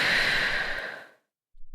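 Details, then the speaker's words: Simulated nurse–patient role-play: one long, steady breath out fading to silence as the patient empties her lungs completely before sealing her lips around the spacer of a metered-dose asthma inhaler. "Okay. I'll try to breathe out now."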